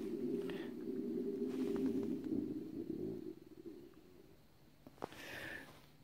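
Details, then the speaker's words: Man outdoors at a hunting cabin in November: a low, drawn-out gurgling stomach growl lasting a few seconds, then quiet with a brief click. These are ordinary bowel sounds. "you hear that because if you did that was my stomach growling yes I understand"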